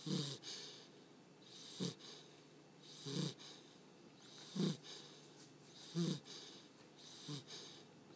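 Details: Sleeping American Bulldog puppy snoring loudly: soft, regular snores at about 43 per minute, each breath with a brief snort and airy hiss.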